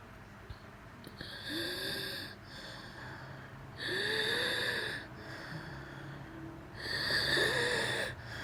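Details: Person with asthma, coughing that would not stop after eating porridge, wheeze on deep breaths: three long, noisy, whistling breaths, about 20 a minute; wheezing with cough from asthma.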